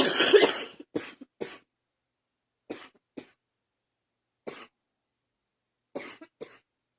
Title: # 58 coughing hard #2